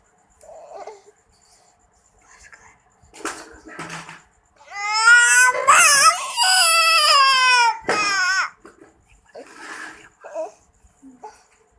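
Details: Infant crying: short whimpering fusses, then a loud, sustained wail of about three seconds before settling back to soft fussing.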